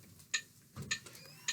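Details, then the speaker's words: Sharp, evenly spaced electronic ticks from an AED trainer's metronome giving the chest compression rate, as CPR begins after a shock is delivered in a simulated training demo. "guys so the metronome that is that you can hear from the AED it's meant to give you guys the rate of compression all right"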